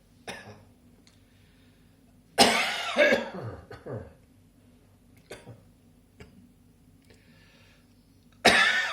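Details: Several harsh coughs in short bursts with quiet breaths and small throat sounds between them, in a quiet room.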